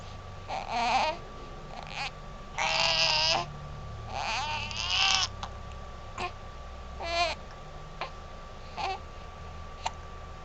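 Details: Infant girl lying down after a full feed, with hiccups and spitting up: short fussy cries and whimpers in bursts over about half a minute, steady tone with room hum behind; ordinary fussing cry.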